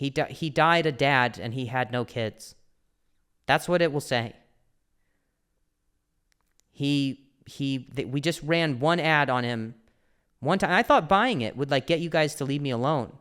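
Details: Stuttering with word and phrase repetitions in an adult male comedian who also mentions an injury he has had, in conversational podcast speech.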